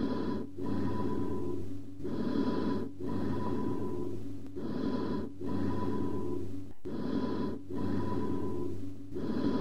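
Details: Auscultation teaching recording from a medicine cassette on breath sounds: loud, hollow, metallic-toned amphoric bronchial breathing, with a gap between inspiration and expiration.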